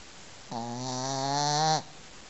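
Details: Sleeping dog snoring: a single drawn-out, buzzing snore that rises slightly in loudness over about a second.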